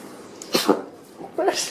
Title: Trending Funny Sneezing Animals Compilation NEW